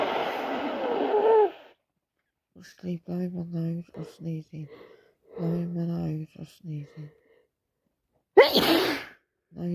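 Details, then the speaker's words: Adult with a head cold, nose blocked and red, sneezing constantly: a long noisy sneeze, then short voiced sounds, then another sharp sneeze; repeated sneezing. "I can hardly breathe out my nose. I'm constantly hitching or sneezing. Hitching sneezing."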